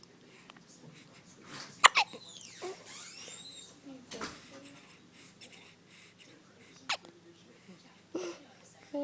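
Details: Four-day-old newborn with hiccups: sudden short gulping catches recur among the baby's babble and vocal sounds; hiccups.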